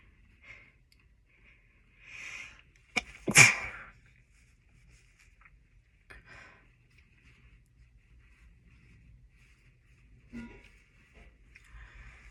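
A quiet, muffled burst with a sharp onset, then soft breaths and sniffs: a stifled, held-back sneeze.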